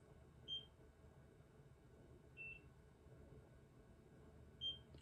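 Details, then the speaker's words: Three brief high beeps a couple of seconds apart over quiet room noise as an at-home Nira Pro skin laser, held flush on level 2, is moved in overlapping spots around the eyes: beep for each delivered pulse. "And what you want to do is you want to make sure that you're holding this flush against your skin, and you will hear it beep. When it beeps, you kind of want to move to the next spot."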